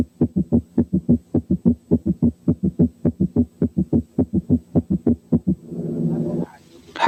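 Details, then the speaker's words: Gallop rhythm in left ventricular failure, heard at the apex with the stethoscope bell: fast regular heart sounds with an extra low beat giving a three-part rhythm. "4 كان جالوب ريزم في حالة الليفت فنتريكولار فيلير."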